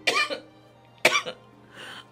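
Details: Young woman with a persistent harsh cough she says feels like coughing with her whole body, even tasting blood: two sharp, harsh coughs about a second apart, followed by a softer breathy exhalation.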